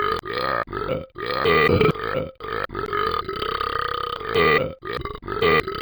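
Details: Excessive drinking and burping: a string of about eight loud, drawn-out rumbling burps in quick succession, which sound like a cartoon sound effect from a game.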